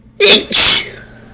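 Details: Person who suspects a ragweed allergy, with a runny, itchy nose after bringing ragweed indoors and trying chhinkni: a sharp intake, then one forceful explosive sneeze with a brief breathy tail; sneeze.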